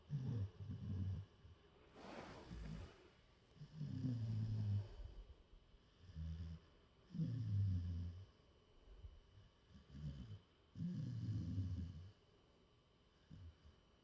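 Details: Snoring while asleep in a person's lap: low rumbling snores, one with each breath, about 17 a minute, with quiet gaps between them.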